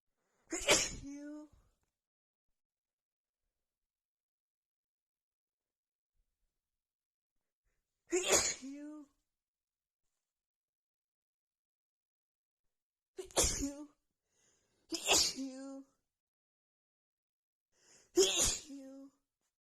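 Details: Person who felt sneezy all day with a tickling nose: five loud, forceful sneezes separated by silence, the last three close together; a sneezing fit.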